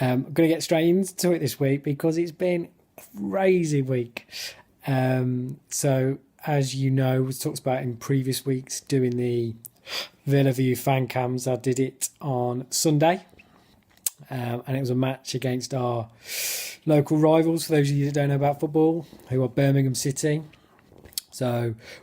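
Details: Adult who stammers, talking in his stammering vlog; blocks and overt stammering described — stuttering.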